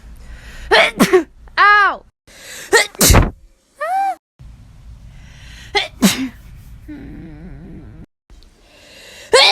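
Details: A person sneezing.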